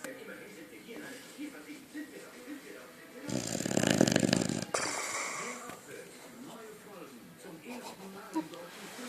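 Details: Boxer dog snoring in sleep: one loud, rattling snore over television sound and background talk.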